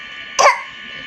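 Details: Children deliberately imitating coughs in a playful cough contest: cough sounds.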